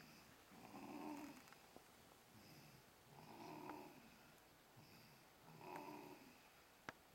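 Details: Seconds after screaming, now asleep: three soft, rough snoring breaths at an irregular pace, roughly 25 a minute, in a quiet room; snoring.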